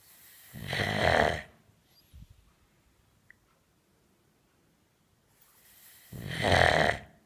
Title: Snoring Sharpei